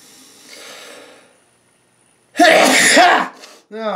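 Quiet background, then one loud, sharp, explosive burst with a voiced 'achoo' quality, followed by a short vocal sound. A single sneeze.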